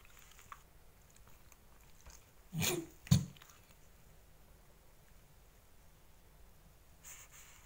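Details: Ten-month-old dog that started coughing at 6:30am after a neighbour's dog had coughed for days (owner also wonders about window cleaner irritation): two short, harsh cough bursts, possibly kennel cough.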